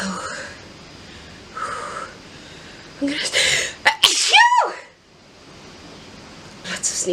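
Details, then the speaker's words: Woman sneezing after sniffing pepper-dusted flowers: a sharp inward gasp followed by two forceful sneezes with a high, sliding voiced cry, then quiet breathing; sneezing. "i just have to remember because in that moment of sneezing i don't really think of much except just letting it out"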